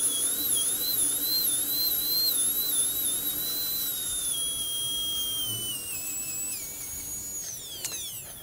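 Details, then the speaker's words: High-pitched high-speed dental handpiece whine, pitch shifting with load then winding down, as a finishing bur goes over the facial of a composite anterior tooth emphasizing developmental depressions (mamelons); high-speed dental handpiece. "so let's just go over the facial of it emphasize those developmental depressions I think some people also call them mamelons"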